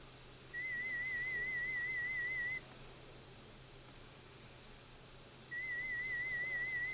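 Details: Audiometer FM warble tone presented through headphones during pure-tone threshold testing, around 2000 Hz at 20–30 dB HL, with the threshold found at 30 dB: audiometer warble tone.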